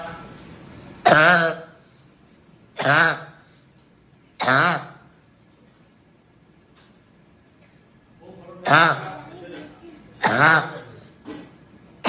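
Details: Involuntary, partly suppressible vocal tics in a patient with Tourette syndrome, described as an inherited tic disorder with motor and vocal tics starting before age 18.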